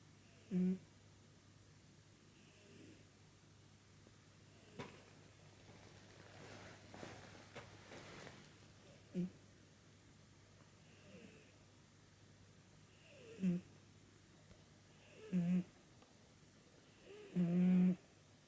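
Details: Snoring of a 16-year-old called "bocchan" (young master), recorded under sakura-pink LED light: short snorting snores at irregular intervals, about six, over faint room hum during sleep.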